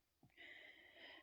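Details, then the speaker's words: A person with severe breathlessness, worse on getting out of bed and on stairs, takes a single drawn breath with a high, whistling musical tone: audible wheezing. "Getting out of bed, I am breathless. I'm wheezing. You can hear my breathing."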